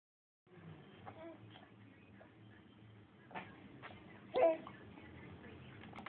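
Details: A young child makes one short, deliberate fake cough amid quiet babbling and room noise, then tries to eat his play pen. Voluntary cough.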